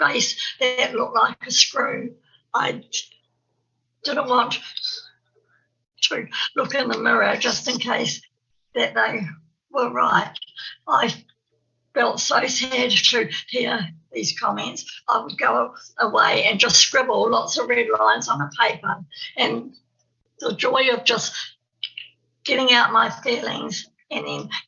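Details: Stuttering (stammer) in an adult woman, an early childhood teacher in New Zealand, who describes herself as having a stammer.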